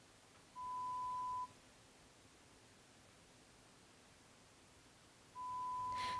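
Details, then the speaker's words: Pure-tone air conduction audiometry test tones delivered one ear at a time via headphones or insert earphones to an adult client with trouble hearing in background noise who listens to much live music; client presses a response button on hearing each beep. "Headphones or these insert earphones are used to deliver the stimuli to the client's ears one at a time. The client responds to the sounds they hear, usually by pushing a response button."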